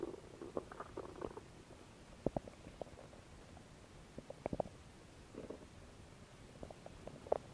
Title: ASMR | Stomach growing | Belly noises | asmr no talking | Stomach Sounds